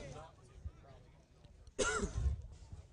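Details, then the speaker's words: A single short, abrupt adult cough from a commentator during a live high school baseball broadcast, breaking a few seconds of quiet background murmur. "is that a cough yes it was didn't want everyone to have to hear it"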